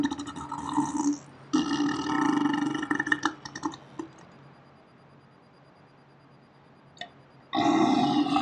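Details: Slow-motion recording of one person burping on a day off: two long, low, rumbling, nasty belches separated by a quiet pause.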